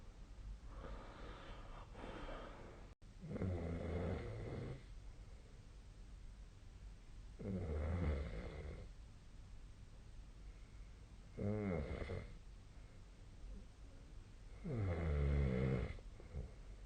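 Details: Low, rattling snores at an uneven pace, about 16 a minute, over steady room hiss, recorded during sleep: snoring.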